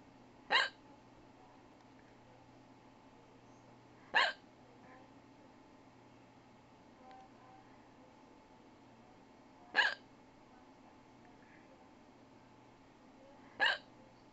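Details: A person with hiccups: four brief, sharp hiccup sounds at irregular intervals, about 11 a minute, over quiet room noise.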